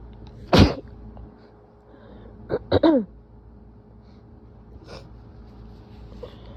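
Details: Adult with lingering cold in nose and throat: one forceful sneeze, then a rapid burst of three short sneezes with build-ups and faint breathy sounds; sneezing.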